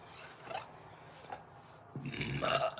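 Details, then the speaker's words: Person burping deeply and uncontrollably, one of a compilation of repeated burps: a low, rumbling belch near the end after quiet room noise. "oh excuse me excuse me I have a burp already wow that's impressive"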